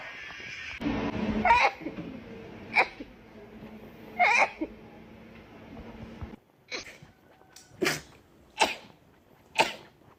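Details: Girl with a bout of repeated sneezing: about seven sharp, explosive sneezes in quick succession over ten seconds, with faint room hum.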